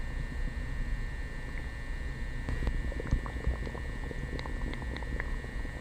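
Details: Loud upset-stomach bowel sounds (borborygmi) after coffee and prune juice, recorded in 3D audio without a mic pressed to the belly: low rumbling churning with scattered bubbling pops, gurgles and squelches.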